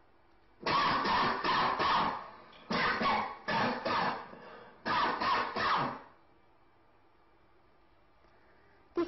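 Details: Heat-type cough (rapid, continuous cough).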